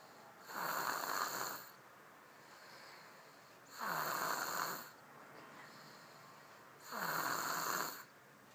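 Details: Snoring while asleep after being tired from shopping: three loud, rasping snores on inhaling, about 19 a minute, with quiet breathing between them; ordinary snoring.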